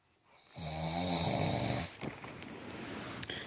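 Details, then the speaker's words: Father snoring at 2 a.m., keeping the family awake: one loud, rattling snore on a breath in, then quieter breathing with small room noises. "this is us at 2:00 in the morning and he always wants to talk mess but yet we are sitting here and can't sleep because daddy is snoring so"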